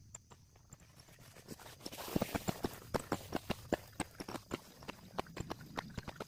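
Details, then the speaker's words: Recording of a child's fetal heartbeat: rapid, regular galloping thumps over a soft whooshing background; fetal heartbeat. "이 소리는 심장 소리입니다. 너 심장 소리야."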